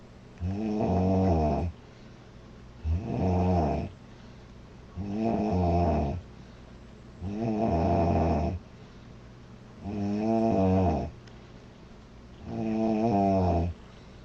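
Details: Loud, regular snoring from a girl, with a buzzing, voiced quality, about 25 breaths a minute and quiet exhalations between snores.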